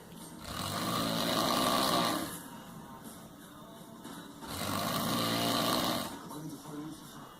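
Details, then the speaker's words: Two loud, rough, rattling snores on the in-breath, a few seconds apart, with quieter breathing between; snoring described as linked to sleep disorder and raising stroke and heart attack risk; snoring. "yep your snoring is putting a damper on things at home and you know it can increase the chance of strokes and heart attacks"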